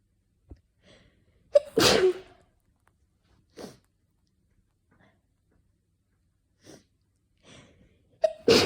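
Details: Winter sneezes from someone with a slight dust allergy, triggered by cold weather sniffles or indoor heating: two forceful sneezes, each after a quick in-breath, with soft breaths between. Some clips recorded with an itchy nose and headache, a possible oncoming cold.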